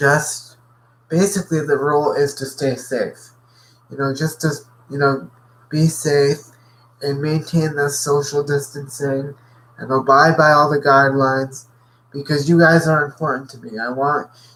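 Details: Adult man with cerebral palsy who says his muscles are very tight today, making talking harder; dysarthria (cerebral palsy).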